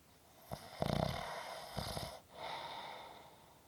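A rough, fluttering snore on the in-breath, followed by a quieter breath out; snoring.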